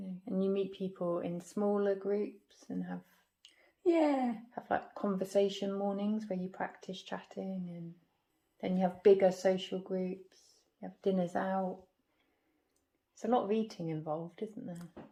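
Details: Adult woman speaking, possibly with a second conversational partner; Conversational speech.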